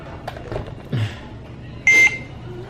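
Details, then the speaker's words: Home Trilogy ventilator caregiver training: short steady high electronic beep, low inspiratory pressure alarm, usually meaning a circuit hose is disconnected; reset by pushing the reset button. "Low inspirator pressure. Which means usually a circuit disconnect, right?"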